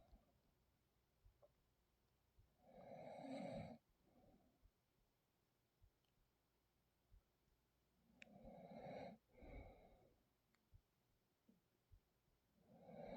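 Loud rattling snores recurring with slow breaths, about 11 a minute, over faint room noise; ordinary snoring.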